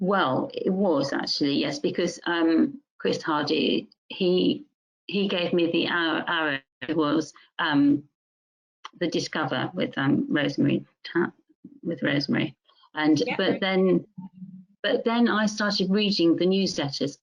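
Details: Adult woman music teacher with mixed-type primary progressive aphasia, with word-finding difficulty, grammatical errors and trouble with words of three or more syllables; speech garbled and repetitive; primary progressive aphasia (mixed type).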